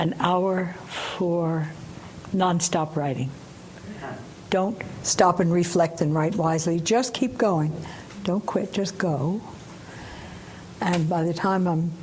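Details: 89-year-old woman speaking while recovering from aphasia caused by a stroke; aphasia after stroke.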